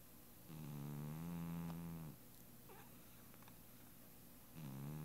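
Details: Sleeping cat snoring: soft, droning, buzzy snores, a long one followed by the start of another after a pause.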